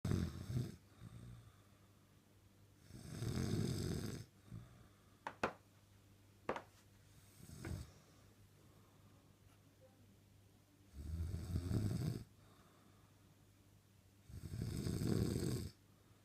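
Rough, low snores on breathing in, about every four seconds, with quiet clicks and breaths between; ordinary snoring during sleep.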